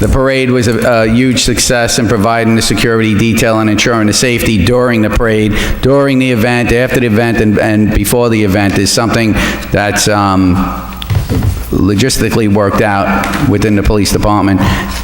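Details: Adult man speaking at a public meeting; normal voice.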